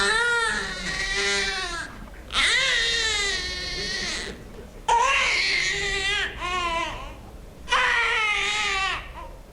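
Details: Baby's colic cry; frantic leg movement while crying is taken to suggest colic or gas.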